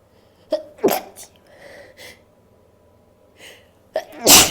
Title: A few sneezes and a nose blow (F)